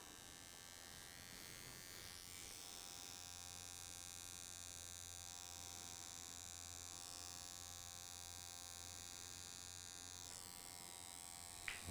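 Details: Steady high-pitched electric buzz over low hum: handheld microneedling pen treating facial scars in a small room; needle and vibration cause scar subcision.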